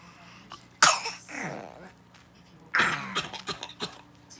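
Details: A young girl gives two separate coughs, each a sharp burst followed by a brief rattly tail.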